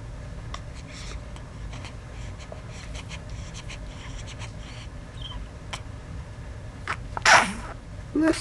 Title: Big Yawn Little Sneeze